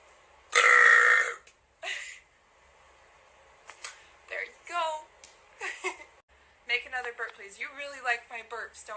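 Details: Burping on request: a loud, short belch, then a smaller one, followed by laughter and talk in a small room.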